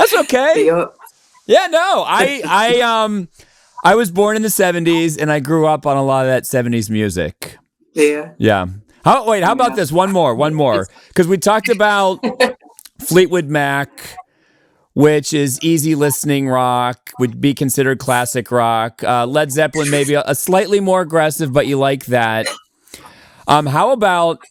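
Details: Adult speaker in conversation; normal speech.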